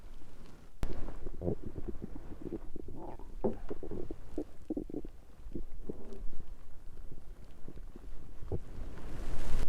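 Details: Low gurgling, bubbling rumbles from the belly, intermittent over several seconds, in a recording of mostly digestive rather than hunger sounds; stomach growling (borborygmi).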